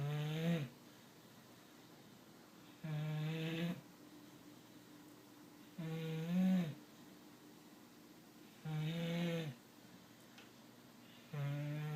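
Steady, droning snores, one with each breath, about four in twelve seconds in a quiet room: snoring.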